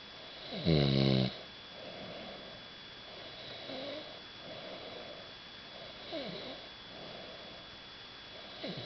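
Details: Someone snoring at Keekoroke: one loud rattling snore followed by softer, regular snoring breaths about every second, in a quiet room.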